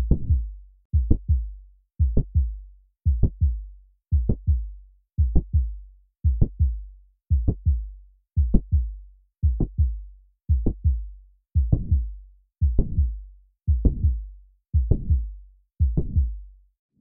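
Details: Regular heart sounds at about 57 beats a minute, each with a mid-systolic click and a late systolic murmur, from a 3D animated summary: mitral valve prolapse.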